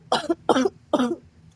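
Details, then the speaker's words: Three harsh, loose, phlegmy coughs with phlegm stuck in the throat (productive cough), from a woman ill with fever and body pain, before being given cough syrup. "बस बस गले में कफ अटका हुआ है रुको मैं कफ सिरप देता हूं"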